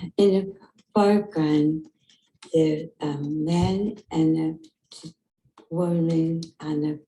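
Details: Female patient with progressive supranuclear palsy, a 4-repeat tauopathy in the frontotemporal dementia spectrum distinct from Alzheimer's disease; motor speech deficit mainly affecting execution rather than planning; dysarthria in progressive supranuclear palsy.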